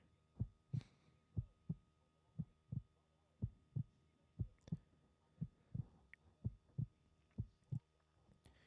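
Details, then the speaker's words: Heartbeat described as heard by stethoscope on a pregnant mother's abdomen, presented as a fetal heartbeat: steady, soft paired thumps about 60 a minute with quiet room hiss. "this is the sound you hear when you put stethoscope up to that mother's stomach"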